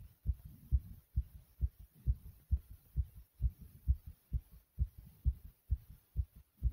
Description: I did a couple of different exercises to make my heart beat this loud and aggressively.